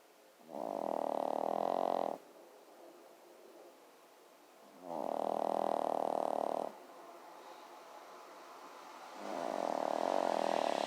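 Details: Loud, sustained, buzzing snores from a sleeping dog, about two seconds each, three in eleven seconds with quiet breathing between; heavy snoring.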